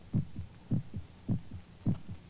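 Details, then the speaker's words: Normal human heartbeat from a 1949 film: steady, regular lub-dub at about 100 beats a minute, two clear sounds per beat over a low background hum, described as the heart pounding against the ribs. "The sound of our heart pounding against our ribs."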